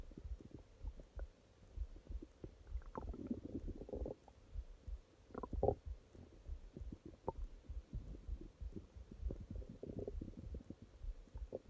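Low gurgling rumbles and bubbling runs over a quiet background, typical stomach growling from normal bowel activity.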